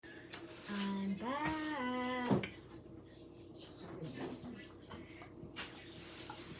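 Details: Long, loud, rumbling voiced belch lasting about a second and a half, falling in pitch, then quieter room sounds; burping.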